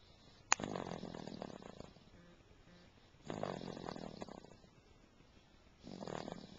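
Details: Soft, fluttering snores about every three seconds, roughly 20 a minute, with a brief click at the start; snoring.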